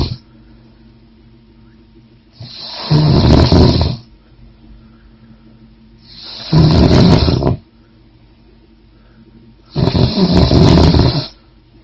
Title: The Snore